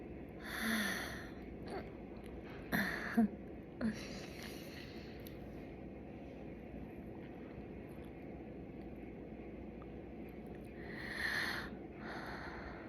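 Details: Hiccups in a young woman after chugging soda, some quiet ones: a few abrupt, quiet gulping catches in the breath against low room noise.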